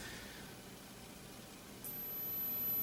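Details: 12 kHz hearing test tone.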